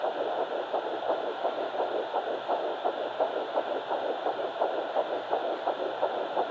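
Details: Home fetal Doppler on the left side, twin pregnancy Baby A at 9 weeks 6 days: rapid, regular whooshing pulses about 170 a minute, an early fetal heartbeat.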